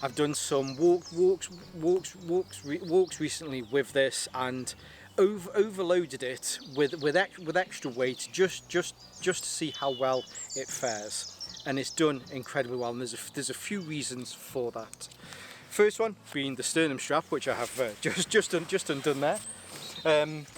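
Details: Stuttering in an adult whose stammer is linked to his anxiety and still present a little; he says it was much worse on the first day of filming.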